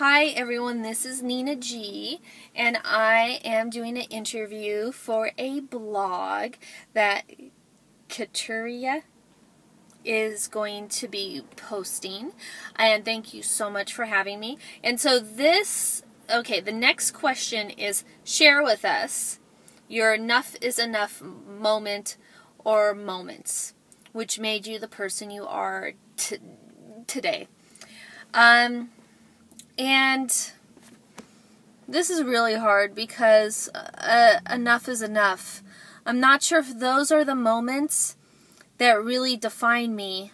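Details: Adult woman who describes herself as a stutterer; stuttering.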